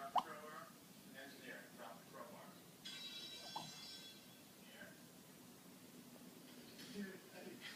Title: Chihuahua's Snore Sounds Like Raindrops